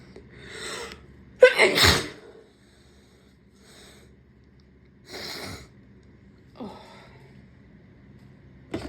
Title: lots of induced sneezes and stifles, attempted holds, nose blows, sniffles